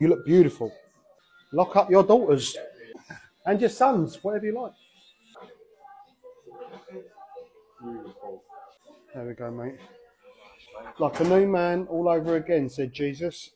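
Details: Vocal tics from a man with Tourette syndrome: sudden out-of-context words and phrases interrupting his normal talk.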